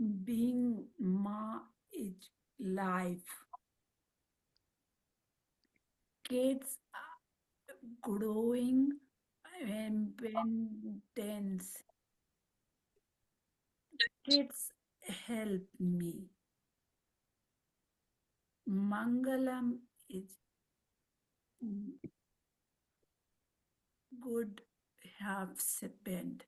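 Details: Aphasia with apraxia of speech after a stroke in a woman who speaks Marathi, Hindi and English; her words come out mixed across these languages.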